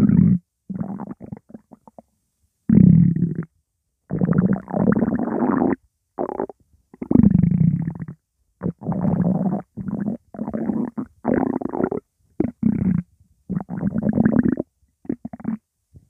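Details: Loud, low, gurgling, near-continuous stomach rumbles in bursts with brief pauses, background music; very active bowel sounds (borborygmi).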